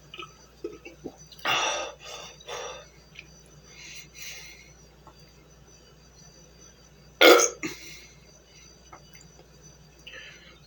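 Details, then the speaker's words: Several short burps then one loud, sharp belch with faint room noise, right after guzzling a glass of 7 Up in a burping challenge at 2:20 a.m.; ordinary burping after a fizzy drink. "wow it does get you to burp a little actually oh my stomach get screwed now holy cow that was wild wow now I'll be burping all night"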